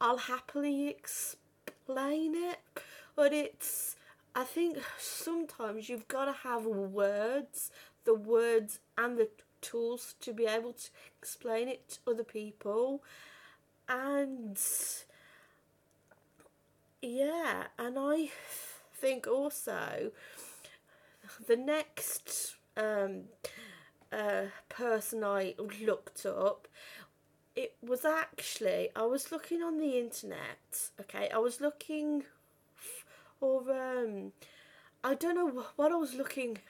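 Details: 32-year-old woman who has stammered since about age five or six, had speech therapy and breathing techniques at 15; stuttering.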